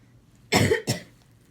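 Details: Persistent cough in an adult at urgent care, coughing all night, probably dehydrated and receiving an IV, heart rate 152 bpm, no cough suppressant prescribed: two short, harsh cough bursts in a quiet room.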